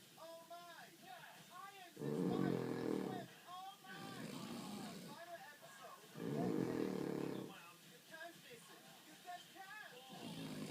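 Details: Cavalier King Charles Spaniel snoring: two loud, harsh snoring rumbles, each over a second long, with other voices or sounds in between.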